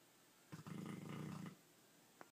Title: Jester snoring